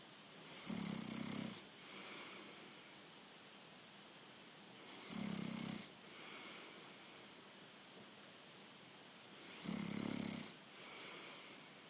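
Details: Snoring in a sleeping human, the recorder's younger brother: three rough, rattling snores on breathing in, each followed by a softer breath out, about 13 breaths a minute; ordinary snoring.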